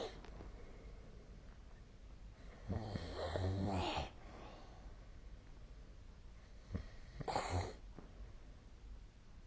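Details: Person recorded sleeping with a snore-tracking app on 2025-02-14; two rough, rattling inspiratory snores several seconds apart with quiet breathing between, in a small room. Snoring.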